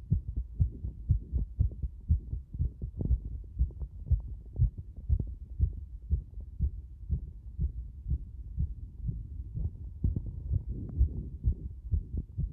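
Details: Heartbeat becoming extremely fast: fast, fairly regular low thumping at about 120 beats a minute, a rapid heart rate (tachycardia).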